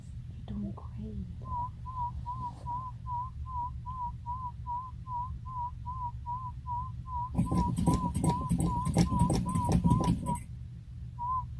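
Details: Repeating chirping warble tones from a speaker with bursts of room noise, used in a sound-field hearing test of a 1-year-old boy with long-standing ear infection, seen by an ENT specialist.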